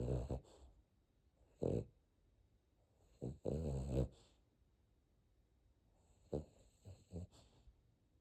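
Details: Puppy in deep sleep in the early morning: several loud, rattly snorts in irregular bursts with quiet pauses; snoring.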